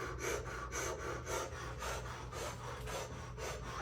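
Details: Simulated pulmonary function test demonstration, body plethysmography with hands on cheeks: rapid, shallow, rhythmic panting through a mouthpiece at about 115 breaths a minute to measure airway resistance.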